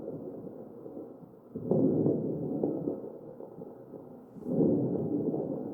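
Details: Crackles in the breath sounds of a real mechanically ventilated patient, recorded at the chest.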